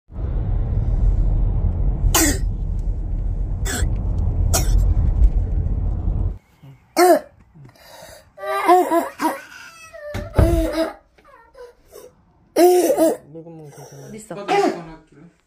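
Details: Harsh, abrupt barking coughs from a young child with croup, a viral airway infection; cold air is advised at home to ease breathing.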